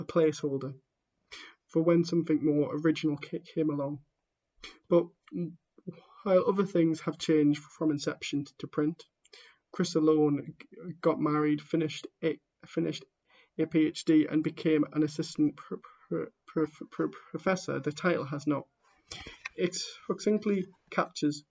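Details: A person who stammers reading aloud the introduction to a book, with real stammering in the reading: stammering.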